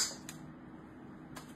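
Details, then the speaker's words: Two sharp, brief clicks as a transcranial magnetic stimulation (TMS) coil is pulsed in a demonstration of the machine, over quiet room hum; TMS coil pulse click. "And what the machine does is when we pulse it like that, it's pulsing electricity through the magnet."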